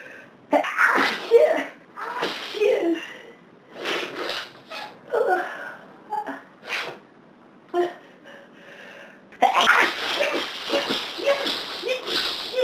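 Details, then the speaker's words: Several forceful sneezes in quick succession with sharp breaths between, near the end of a long sneezing fit on a severe hay fever day; repeated sneezing. "Oh, God. Still need a couple more. Yeah. Yeah. I think that's it this time."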